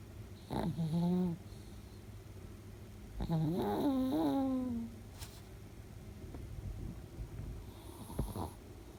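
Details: 10-year-old female Chihuahua–Shih Tzu mix sleeping with tongue out, snoring like a grown man: deep, rattling, groaning breaths with a loud low rumble between quiet pauses.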